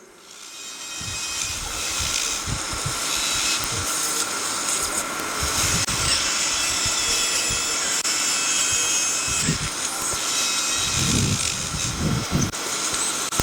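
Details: Steady high-pitched whine of an otologic burr drilling bone during cochlear implant surgery, thinning bone near the semicircular canals after a cortical mastoidectomy, with brief pauses and suction noise.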